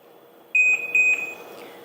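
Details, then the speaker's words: AED trainer power-on beep: two short high-pitched beeps as a nurse educator switches on an AED trainer before its voice prompts and adult/child mode selection, shown for BLS teaching. "maybe I am caring for a pediatric population and so these AEDs and its trainer can be used on pediatric populations so I'm going to turn on my trainer"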